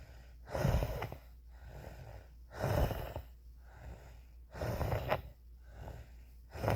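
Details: Noisy, labored breaths repeating every couple of seconds with a rough, whistling edge; wheezing.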